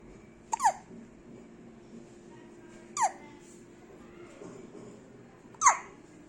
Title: HICCUPS